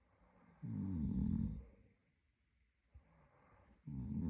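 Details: A sleeping adult man (boyfriend) gives two loud, rough, low snores on breathing in, separated by quieter breathing out; ordinary snoring.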